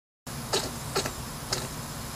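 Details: Hedgehog making three tiny, sharp huffs over low room hum; possibly coughing, though the owner is unsure and suggests it may be sneezing.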